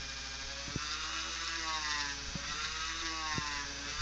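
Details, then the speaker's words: High-pitched, steady whine of a high-speed dental drill at increased speed making a straight sectioning cut through tooth number 3 (a first permanent molar) on a 3D-printed model, with a fan humming nearby and a few sharp taps. "I'm going to actually increase the speed a little bit I'm going to bring my fan a little closer again there my straight cut straight in"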